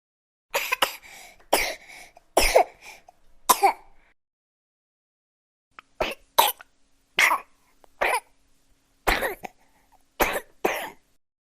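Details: A baby gives about a dozen short, sharp coughs in two runs separated by a brief pause; labelled as a sound effect.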